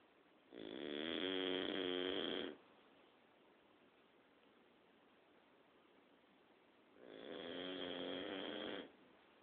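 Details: A dog snoring at night: two long, buzzing, fluttering snores about six seconds apart with quiet pauses, steady at about ten breaths a minute.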